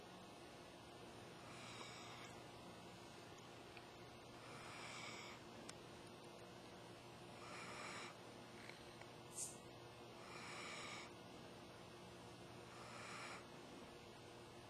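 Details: Soft, rough snoring about 22 times a minute over a steady background hum from Rosie, a pitbull-mix dog, sleeping and dreaming.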